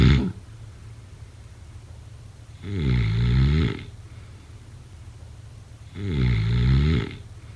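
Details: Heavy snoring during sleep: deep, loud, rattling snores about every three seconds, near 20 breaths a minute, with quiet exhales between.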